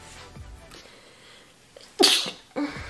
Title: A Healthy Helping of Sneezing YouTube Gals